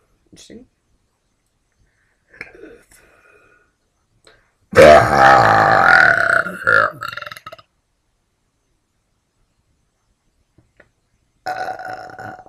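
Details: A woman burping: one long, loud, voiced belch of about three seconds, with a few faint sounds before it and a shorter belch at the end.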